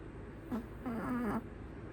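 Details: Female Chihuahua in deep sleep in owner's arms, gentle soft snores with every breath and quiet whistles; raw audio with no background music.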